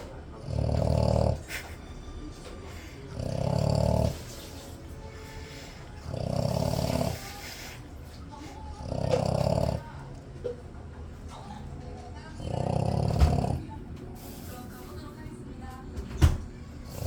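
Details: A sleeping dog snores with slow, regular rumbling breaths, about five in seventeen seconds, with quiet room noise between them; snoring.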